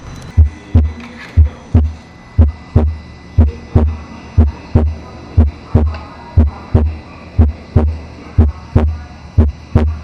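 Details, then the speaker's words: Normal apex heart sounds during a precordial examination, played for comparison: regular, clear S1 and S2 at about 60 beats a minute, with the apical impulse ending before the second sound; normal heart sounds. "aquí lo estamos comprando con el ápex normal donde ustedes van a escuchar el relé r2 y van a escuchar que el impulso apical no llega hasta el segundo ruido se acaba antes"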